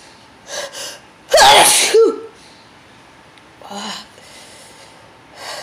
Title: very intense sneezing